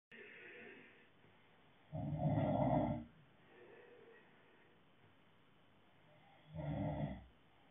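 Two loud, low rumbling snores about five seconds apart, with softer breaths between them: snoring in sleep.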